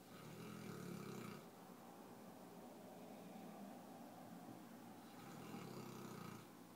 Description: My neapolitan mastiff, Mason, at 7 months snoring away.